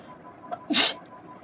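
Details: Self-induced sneeze from a woman tickling her nose with a twisted saree end in a nose-sneezing challenge; a quick in-breath, then one explosive hissing sneeze over faint room noise.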